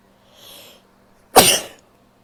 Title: stifles, sneezes and a nose blow (f)